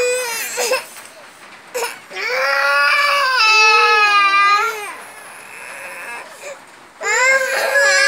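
Sustained, rising and falling wails of a baby crying with brief breaths between bursts; ordinary infant cry in a small room.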